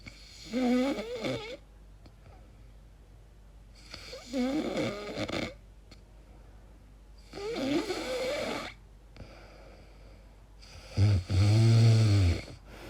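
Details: Person recorded asleep making strange noises, wondering about sleep apnea; four loud rattling snores at regular intervals, the last deeper and more vibrating: heavy snoring.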